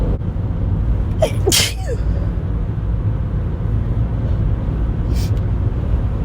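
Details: Sneezing fit while driving, from a tickle in the nose: a sharp sneeze burst over steady car engine and road noise, with a fainter second sneeze near the end.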